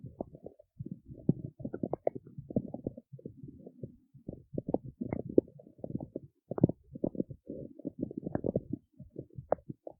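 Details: Stomach growling recorded in the city: quiet gurgling, bubbling rumbles in irregular bursts, close to the body.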